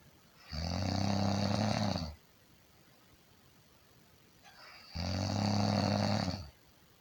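Two loud, buzzing, rattly snores, each about a second and a half long, with quiet gaps between them; ordinary snoring.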